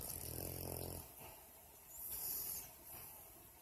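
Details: Sleeping female dog snoring like a person, her lips moving at times as if talking in a dream: a soft, low, rattling snore on an in-breath, then quieter breathing in a small room.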